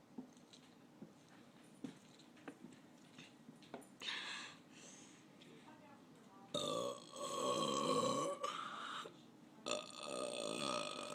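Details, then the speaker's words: Female deliberately burping after chugging a drink: quiet gulping sounds, then two long, loud, voiced belches. "oh that was me burping um hope you liked it alright bye"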